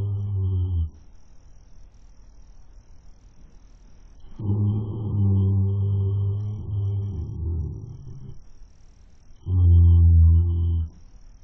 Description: Webcam catches our horse snoring like a, well horse.